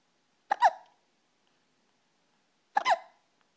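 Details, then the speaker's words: Girl with recurrent hiccups again: two abrupt, voiced hiccups about two seconds apart, each a quick catch followed by a short vocal squeak; ordinary hiccups. "Someone has the hiccups. Poor girl."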